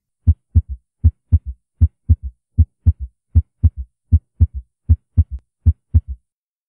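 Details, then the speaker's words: Actual auscultation audio of a third heart sound: regular heartbeat at about 78 a minute with a soft, low extra thud just after the second sound, attributed to blood filling dilated, compliant ventricles: S3 gallop. "firstly s3 is produced due to large volume of blood striking a very complained ventricles or we can say dilated less resistant ventricles"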